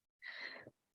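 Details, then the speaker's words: Loud snoring heard in the background during a recorded conversation. "If I could sum up group fitness in one word, that's snoring, not me. You can hear that snore. Oh my goodness, I've put him to sleep."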